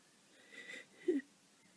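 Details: Noisy breathing from a person with a cold for a few days who is exhausted: one brief whistling, snuffly breath ending in a short snort-like burst.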